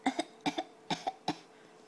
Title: fake coughs